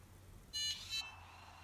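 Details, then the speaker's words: Syringe driver being set up for a patient's subcutaneous line in hospice home-care training: after the top lever is pulled up and twisted away, the power button is pressed, giving two short high electronic start-up beeps over faint room hum. "then we can switch the syringe driver on using this button here"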